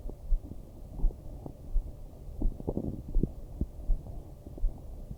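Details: An adult woman's stomach growling (digestion or hunger sounds), soft low gurgles and rumbles over a steady muffled thump, recorded for her to hear via headphones during hypnosis.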